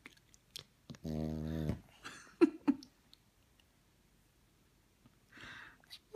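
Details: Snoring.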